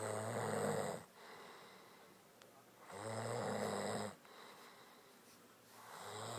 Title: The Snoring Woman that sounds like an animal